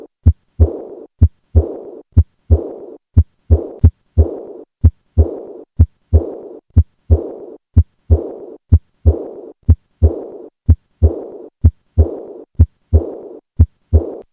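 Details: Auscultation at the 4th left intercostal space: regular heartbeat near 62 a minute with a soft blowing murmur fading after the second heart sound; acute aortic regurgitation murmur.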